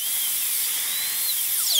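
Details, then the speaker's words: High-speed dental drill, continuous whine with shifting pitch, during a full zirconia crown prep on tooth #3 (maxillary molar): guide cuts for the functional cusp bevel, cut distal to mesial in the lingual groove. "this is guide cuts for the functional cusps bevel"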